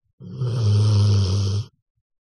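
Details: A single loud, low, rasping snore lasting about one and a half seconds, then silence.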